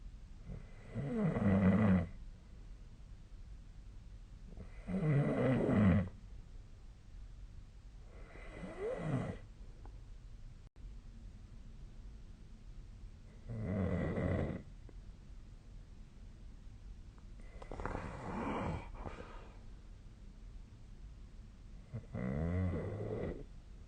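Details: Snoring during sleep, tracked with the SnoreLab snoring app: loud, rough snores with each inhalation, about 15 per minute, with quiet breathing between.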